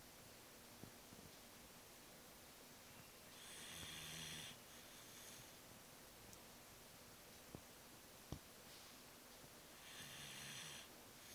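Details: Snoring Shiba Inu dog, owner wonders if tired or old: two soft, raspy snoring breaths about six seconds apart in sleep over quiet room hiss.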